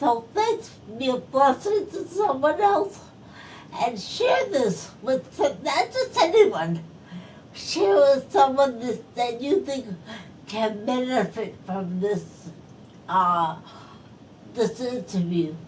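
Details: Post-stroke speech impairment in an adult woman who is a stroke survivor.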